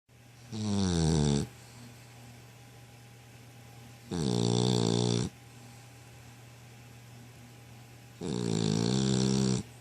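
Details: Dog snoring in sleep: loud, long, buzzing snores about every four seconds, roughly 15 a minute, with quiet gaps between.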